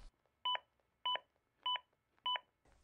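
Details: Zoll AED Plus with Real CPR Help during CPR: four evenly spaced two-tone metronome beeps at about 100 a minute, pacing chest compressions.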